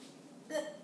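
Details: Woman who has had hiccups all day, recurring whenever she drinks water, eats or has candy: a single short, abrupt voiced catch in a quiet room; hiccup.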